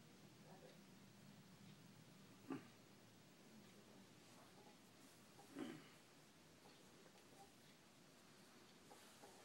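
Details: Snoring during sleep: two brief, rough snorting snores about three seconds apart from a sleeping adult over quiet room hiss.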